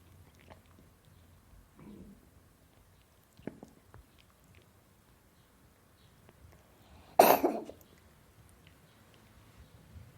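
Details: A cat gives a single short, forceful cough-like burst in a quiet room, with a few faint sounds, in a sound-effect clip; cat cough.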